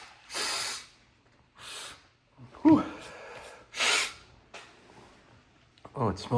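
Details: Several strong sneezes close together with sharp breaths and snorts between, brought on by first-time use of sneezing powder, said to smell like dirt; found strong and very different from normal sneezing fits.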